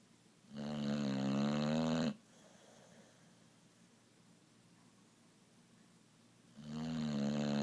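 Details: Boxer dog snoring loudly: buzzing snores on each breath, about six seconds apart, with quiet breathing between them.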